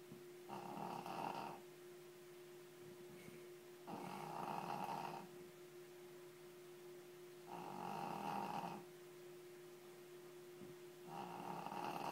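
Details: Loud, rattling snores on each breath, about 17 a minute, steady and rhythmic, in a quiet room; heavy snoring from a sleeping Shih Tzu dog.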